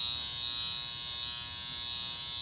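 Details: High-frequency skin wand (10-amp device) with a glass electrode on the face at light strength, moved over the forehead: a steady, high-pitched electrical buzz with a faint hum.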